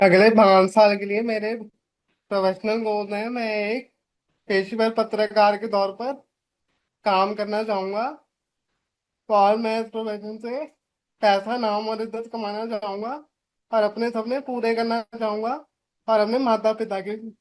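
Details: 25-year-old man with cerebral palsy, born premature with a brain clot, with body stiffness and lifelong speaking and walking difficulty treated with ongoing therapy; dysarthria (cerebral palsy).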